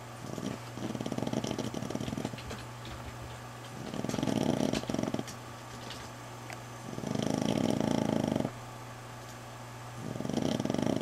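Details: Sleeping dog recovering from fight wounds, with drains in her arm, snoring loudly enough to wake her owner and sometimes worse: loud rattling snores about every three seconds, roughly 20 a minute, over a low room hum.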